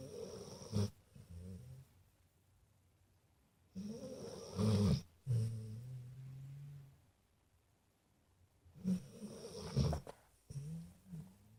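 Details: Uneven snorting snores with short rumbling in-breaths and softer out-breaths separated by quiet pauses: animal (Charlie) snoring during sleep.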